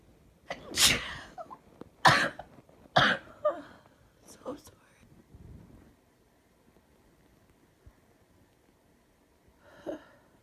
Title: Sick & Sneezing (F)